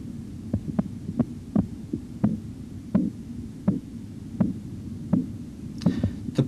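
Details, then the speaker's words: Stethoscope over the arm artery during blood pressure measurement, cuff deflating at 2–3 mmHg per second: repetitive clear tapping Korotkoff sounds at about 82 a minute, whose onset marks systolic pressure. "the point at which repetitive clear tapping sounds first appear for at least two consecutive Beats gives the systolic blood pressure you should hear this"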